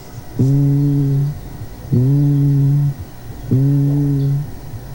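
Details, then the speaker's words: Stethoscope diaphragm over healthy lung as the patient repeats "ee": the voice is transmitted through the chest wall, muffled and resonant yet still recognizable as the vowel. Normal vocal resonance. "i como ustedes se fijan se escuchar resonante pero se puede identificar que es la letra i"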